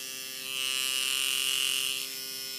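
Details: Microneedling pen on a client's face, depth lowered to 0.25 for forehead and nose: steady high buzzing hum, louder for a moment in the middle.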